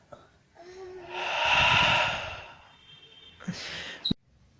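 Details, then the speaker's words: Lung auscultation by stethoscope on a female patient breathing 14 times a minute: a deep forced inspiration followed by a shorter expiration, normal breath sounds without wheeze or crackles. "ahora le vamos a pedir a nuestra paciente que haga una inspiración forzada como lo va a ser a continuación miren como los pulmones se elevan se inflan y una expiración"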